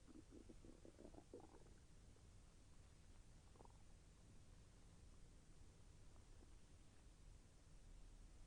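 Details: Stomach sounds during digestion, with intestinal movement felt as slightly painful: quiet bubbling gurgles early on, then a brief faint gurgle over soft hiss; bowel sounds (borborygmi).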